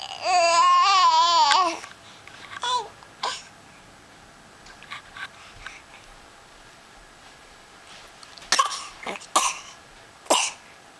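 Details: Voluntary fake cough: a young child babbles in a sing-song voice, then gives a few short, deliberate, put-on coughs.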